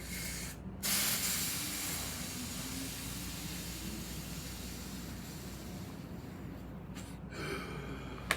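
A sharp onset, then a long, forceful, hissing breath out lasting about six seconds: an acted forced exhalation like a spirometry lung test.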